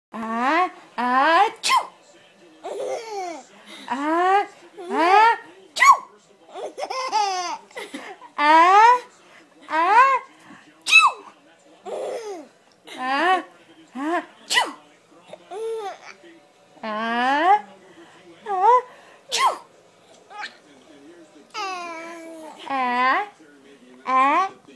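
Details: Brief sharp sneezes from a mother, each followed by the high, squealing laughter of her 3-month-old baby boy laughing for the first time.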